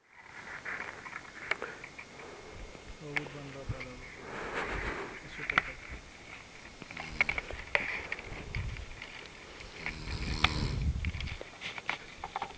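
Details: Snoring: low rumbling, rattling sounds recur with each breath over background noise, with scattered clicks.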